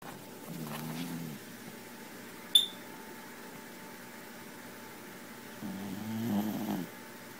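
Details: Sleeping cat snoring: two soft, buzzing, slightly tonal breaths about five seconds apart.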